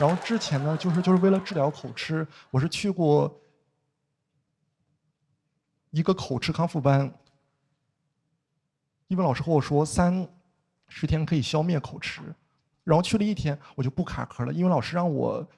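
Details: Adult male speaker; no speech disorder.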